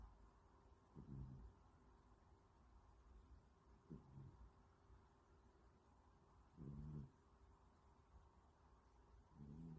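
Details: Younger sibling snoring with eyes open: soft, low, fluttering snorts with each breath, about 20 a minute, in a quiet room.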